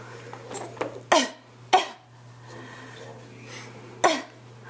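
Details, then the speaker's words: Infant makes a voluntary fake cough on request: three short, sharp cough bursts made on purpose, not from illness. "do a bad cough oh that's such a bad cough isn't in oh yeah that's oh it's so terrible isn't it such a bad cough"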